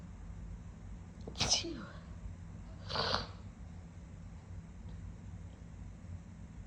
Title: Sniffly wet sneezing